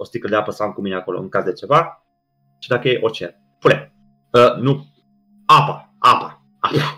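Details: Adult man with Tourette syndrome, a comedian who performs on stage, speaking in a Romanian podcast interview with recurrent vocal tics such as 'psi', 'psam' and 'pa pa pa' interrupting his speech; vocal tics (Tourette syndrome).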